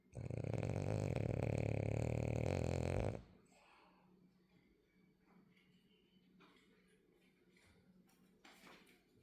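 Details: Sleeping French bulldog snoring: a loud, rapid, rattling snore for about three seconds, then quiet breathing and faint room noise.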